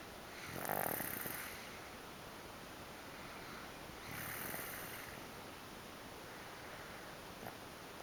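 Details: Sleeping 2-year-old girl snoring: two slow, rough, noisy breaths about three and a half seconds apart, roughly 17 breaths a minute, in a quiet room.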